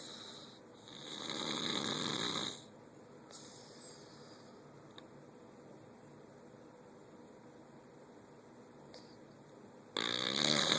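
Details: A harsh, hissing, noisy breath, then a long quiet pause before another begins; a breathy snore.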